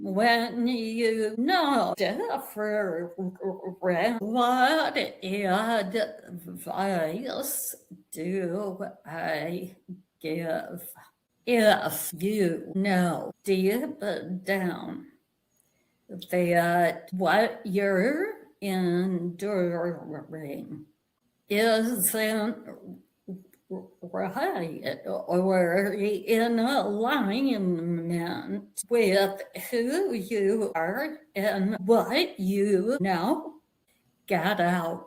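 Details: Woman with a real vocal tremor, described as physically manifesting after over 50 years of narcissistic and emotional abuse that began at age five; vocal tremor.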